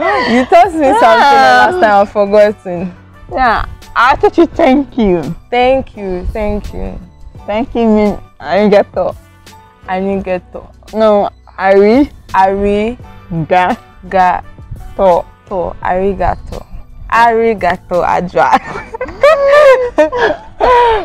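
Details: Speaker, likely a woman or child; plain speech.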